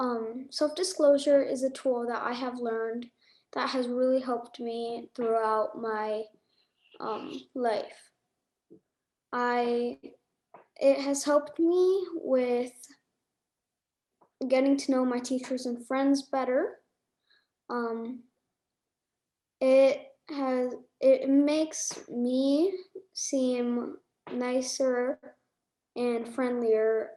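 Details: Middle-school boy who states that he stutters; stuttering.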